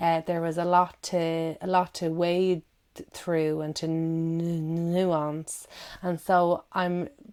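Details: Adult woman who stammers, with audible word and syllable repetitions; stuttering (stammering).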